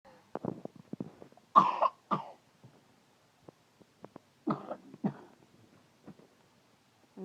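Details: Young girl with chronic coughing, who was being tested for autism; two pairs of loose wet coughs in a quiet room.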